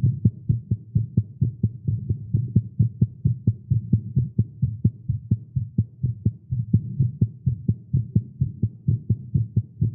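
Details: Fast heartbeat in a male after exercise with caffeine: rapid, strong thumping beat at about 130 beats a minute, fairly steady, with a low hum behind (tagged as irregular heartbeat).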